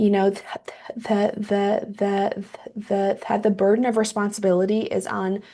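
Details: Woman who identifies as a person who stutters, with audible repetitions; she says metronome-paced speech sounds fluent but is taxing for her; stuttering.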